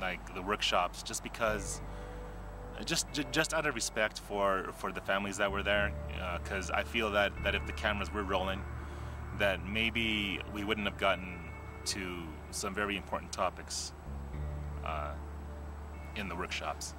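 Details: Adult man who describes himself as a person who stutters, seen by a speech therapist in childhood; stuttering.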